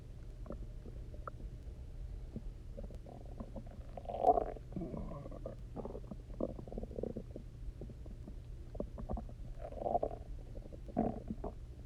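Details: Stomach growling (borborygmi) after eating basically nothing for 24 hours, then chugging water and lying on the side: resonant, gurgly, bubbly rumbles and squeaks from the belly over a low steady hum; hunger growling.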